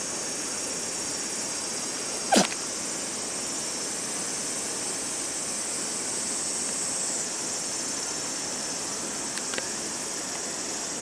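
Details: Stray cat in a park gives a single short, sharp sneeze from a nasal bubble, then yawns; faint clicks over steady outdoor hiss.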